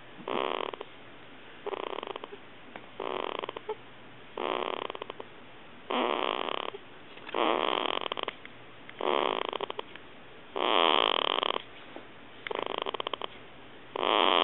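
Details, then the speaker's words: Regular noisy rattling breaths, about 19 a minute, in a sleeping 2-week-old baby girl; infant snoring. "I'm trying to take a video of her snoring."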